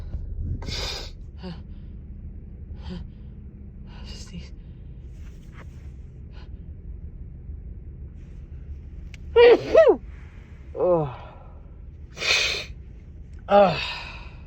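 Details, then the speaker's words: Woman with a persistent morning cold and a constant nasal tickle: quiet hissing breaths, then a few gasping voiced catches and short bursts building toward a sneeze, with repeated false starts. "I just have this constant need to sneeze. Oh. Oh, bless me."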